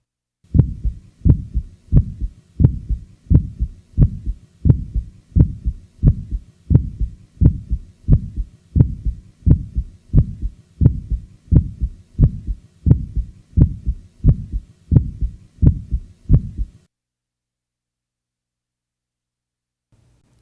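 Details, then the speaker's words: Regular heartbeat near 85 a minute from a patient with mild aortic stenosis, with a sharp early systolic aortic ejection sound, best heard with the diaphragm firmly pressed. Aortic ejection sound. "listen now to an ejection sound the following example was taken from a patient with mild aortic stenosis"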